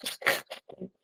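A dog makes a loud harsh snort followed by a few short rough, snoring-like noisy breaths: stertor.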